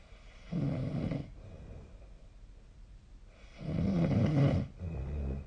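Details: Snoring during sleep recorded with a snore-tracking phone app (SnoreLab).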